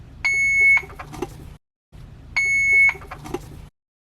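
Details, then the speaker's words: Alaris infusion pump running a secondary IV line at 250 ml/h. The pump shows a red light and gives a repeating loud high-pitched alarm with short clicks: an occlusion alarm because the roller clamp was left clamped. "Let's use an example where there's a problem with the pump module. A red light will display, an alarm will sound."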